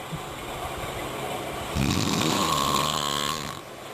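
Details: Snoring: a rough, buzzing snore of about two seconds rising out of steady room noise, from a vibrating upper airway.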